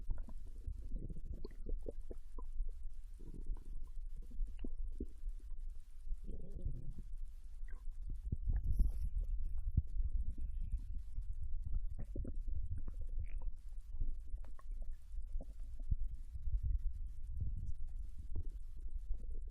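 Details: Low gurgles and rumbles that come and go over steady low noise, recorded from a Japanese girl lying on her side in bed while digesting ramen: ordinary bowel sounds of digestion after a meal.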